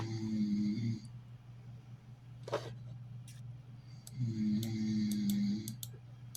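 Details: Person snoring while falling asleep in an office chair: two low, buzzing snores a few seconds apart, with a breath and small clicks between, quiet room.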